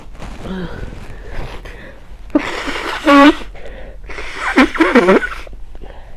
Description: Caught a cold and was feeling quite sneezy